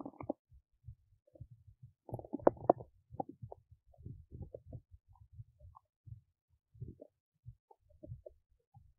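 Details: Belly noises recorded while digesting oats: irregular gurgles, squeaks and low rumbles, ordinary digestive bowel sounds.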